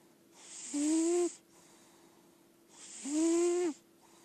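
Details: Senior lilac point Siamese cat, indoor-only, in good health, snoring loudly while asleep.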